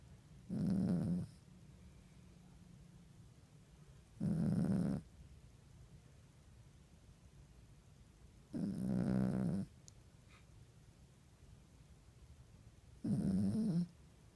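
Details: Slow, regular, low rumbling snores about four seconds apart (roughly 15 breaths a minute) in a quiet room; snoring.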